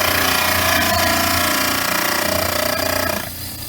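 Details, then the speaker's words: Loud continuous grinding with steady motor hum, easing off at the end: model trimmer angling both back sides of an upper study model, avoiding the molar. "now there's going to be a little angle on both sides of the back to get rid of this stuff sticking up and i'm being very careful not to get too close to the the back tooth there the"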